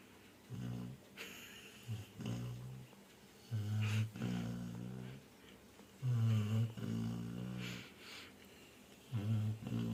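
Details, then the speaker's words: Female Labrador dog snoring while asleep after a full meal: low, rumbling, buzzing breaths recurring every couple of seconds. "ये देखिए फ्रेंड्स, मेरी डॉली कैसे खराटे मार रही है। पूरा खा पी के पूरा खराटे मार रही है।"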